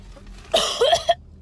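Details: Short wet cough burst over car noise, faked as part of a prank, not from illness; acted cough.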